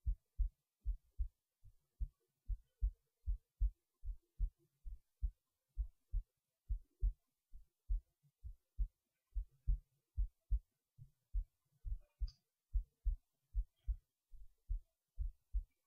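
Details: Heartbeat recorded late at night while resting in bed before sleep: steady low thumping at about 73 beats a minute in a quiet room; normal resting heartbeat.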